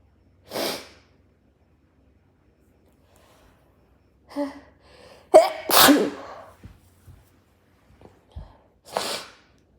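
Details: Person sneezing into their shirt: several sharp, explosive sneezes, partly muffled by cloth, with sniffing and a brief nose blow between them.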